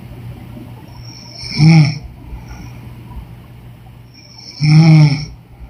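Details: Woman snoring: two loud, rattling snores on breathing in, about three seconds apart, over a steady room hum.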